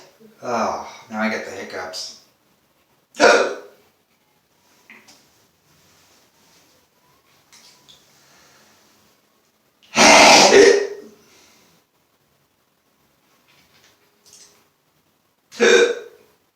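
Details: Hiccups during a pepper-sneezing session, after loud sneezing all day that left a sore throat: several abrupt, voiced catches spaced seconds apart, some loud, with quieter sounds between; a bout of ordinary hiccups.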